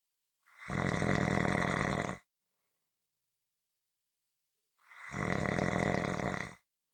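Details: Two long, loud, rattling inspiratory snores about four seconds apart, with silence between: typical snoring.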